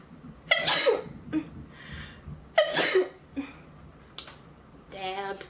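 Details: Two sharp sneezes, each with a quick breath in before a loud burst, then brief voice sounds in a small room.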